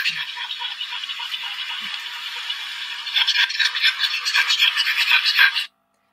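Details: Harsh, high-pitched noisy breathing from a pug with suspected brachycephalic obstructive airway disease (BOAS) after a 3-minute exercise test, growing louder and rougher partway through, then a brief pause: stridor.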